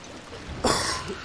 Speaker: Oh, that one. Oh, that cough hurt. Ow. I was gonna say that sounded like that was painful.